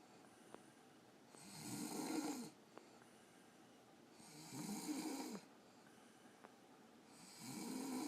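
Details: A mother who says she never snores, asleep: three rough, fluttering snores on breathing in, about 21 a minute, with quiet gaps between, ordinary snoring.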